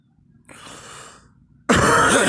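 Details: Adult with seasonal allergies to tree and grass pollen coughing: a soft breathy exhalation followed by one loud, harsh cough burst.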